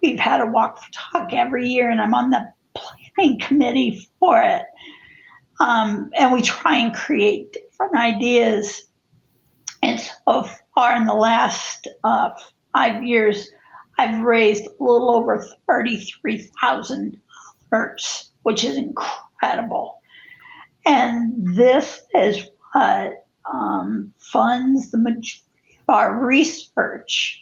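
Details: Spasmodic dysphonia in an adult woman who also has cervical dystonia affecting head and neck positioning; the disorder began affecting her life in 2017.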